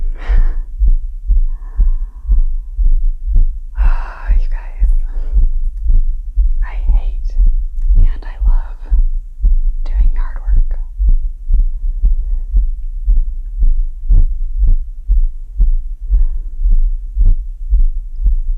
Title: My Pounding Heart After Yardwork + Heart Pounding 120 BPM & Recovering Heartbeat [ASMR]